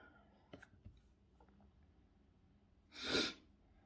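A few soft clicks and breaths, then one sharp, loud sneeze burst near the end in a quiet room.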